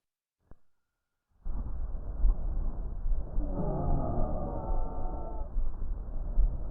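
Musical, whistling tones ride over a rumbling breath sound through a stethoscope, typical of wheezes.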